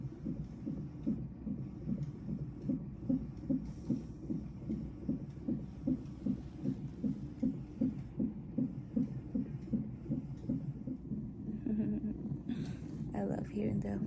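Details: Fetal heartbeat on monitor, fast regular whooshing beats about 154 per minute with faint room noise, recorded in hospital on day three of recovery after fetoscopic spina bifida (myelomeningocele) repair surgery.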